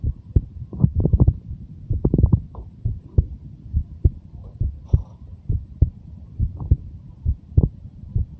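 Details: Normal heart sounds of a 23-year-old.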